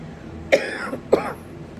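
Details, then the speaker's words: Adult with a lung infection flare-up that started yesterday, plus allergies: two short, harsh coughs in a quiet room. "ดังนั้นมันค่อนข้างยากที่จะเข้าใจฉันการติดเชื้อในปอดของฉันกำเริบเริ่มเมื่อวานนี้"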